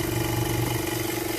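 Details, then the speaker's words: Used oxygen concentrator stripped of its casing during a teardown, running at about 2 L/min with pressure gauge jumping near 2 bar; loud steady motor drone with rough, pulsing low rumble from a very shaky compressor. "so let's turn it on and see what happens [Music] no hear of it like two liters per minute the compressor is very shaky"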